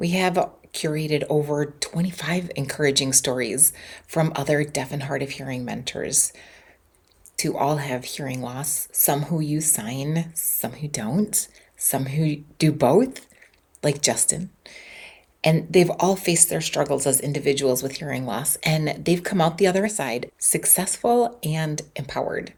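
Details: Adult woman speaking; normal speech.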